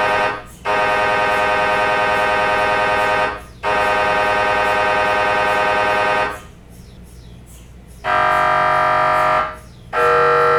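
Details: Loud, sustained buzzing tones lasting several seconds, broken by short pauses; MRI scanner running imaging sequences.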